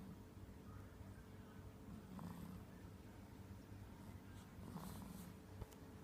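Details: Soft, low rumbling snore with each breath from a sleeping baby tired after playing with its mother; ordinary snoring.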